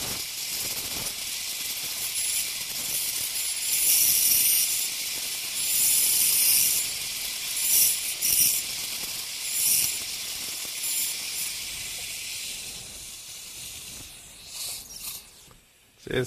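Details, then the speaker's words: Ultrasonic piezosurgery cutting bone during sinus window osteotomy: high hissing cutting noise swelling and fading in short passes. "so I will use a little bit more aggressive tip something like a bone cutting uh like a bone saw type of tip"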